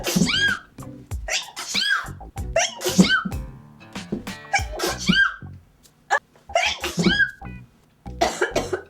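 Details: A person who thinks they may have allergies gives a funny-sounding sneeze: about seven sharp, explosive sneeze bursts in nine seconds over music.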